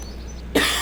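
A single abrupt, noisy burst after a quiet low hum, consistent with one brief cough or throat clear from an adult.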